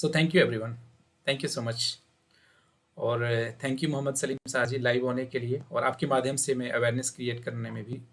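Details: Adult man speaking; Typical adult male voice.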